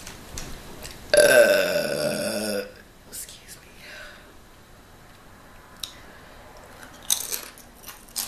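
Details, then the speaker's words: An adult eating a Subway steak-and-cheese sandwich, jalapeno chips and water lets out one long, loud, voiced burp lasting about a second and a half, followed by quiet chewing and mouth sounds; burping. "here it comes guys and I have to let it out because you know it'll build up in your chest and I can't have that you can get it you can have a heart attack from gas did y'all know that"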